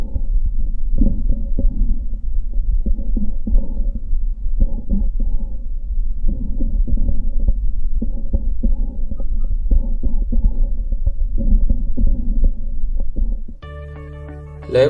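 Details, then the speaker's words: Whispered speech heard through the stethoscope on the chest as muffled but distinct syllables, transmission of whispered voice: whispered pectoriloquy. "La pectologiáfana es la transmisión de la voz cuchiciada."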